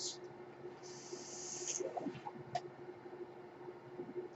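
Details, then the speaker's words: Mechanical ventilator noise heard in the background while the ventilated speaker talks through a podcast recording. "hello everyone my name is that noise you're hearing is my ventilator"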